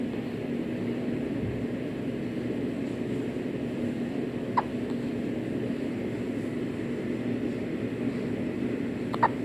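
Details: Two brief, squeaky hiccups from a baby boy about five seconds apart, likened to a rubber chicken, over a steady vehicle-like background rumble; ordinary infant hiccups.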